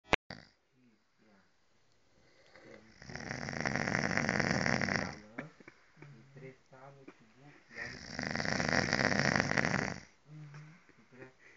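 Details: Man snoring while asleep at a retreat: two long, loud, rattling snores on inhaling, about five seconds apart, with faint background talk between them; typical snoring.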